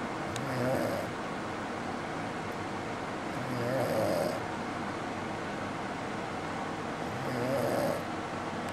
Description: this is what I deal with when he's actually home... lol And he says he does not snore.